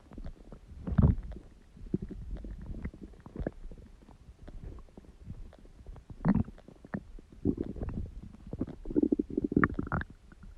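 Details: Stomach growling: soft low gurgles and crackly bubbling with a few louder squeaky rumbles; ordinary borborygmi from gas and fluid moving in the gut.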